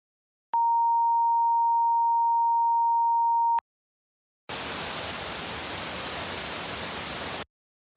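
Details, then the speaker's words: Simulated tinnitus, as can follow noise exposure: a steady pure whistle-like tone, then a hiss of steady static; sounds only the sufferer hears, likened to a heartbeat, kettle whistling or cricket chirping. "is when you hear sounds that others do not. These sounds are, in a way, invented by our brains and come in an infinite variety. They may sound like a heartbeat, a kettle whistling, a cricket chirping, or even all of these sounds simultaneously."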